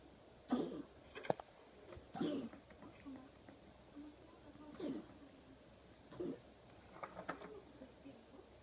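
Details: Dog coughing in a quiet room: about five short, harsh coughs; cardiac cough from mitral valve regurgitation.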